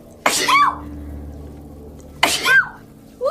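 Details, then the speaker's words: Girl with bad allergies sneezing: two sharp, explosive sneezes about two seconds apart, each with a voiced squeak, and a third beginning. "my allergies are so bad today I'm going to sneeze maybe oh my"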